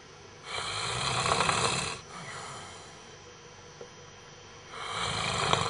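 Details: Sleeping adult man: loud harsh rattling snores on the in-breath, separated by quieter out-breaths; heavy snoring, enough to keep another person awake all night.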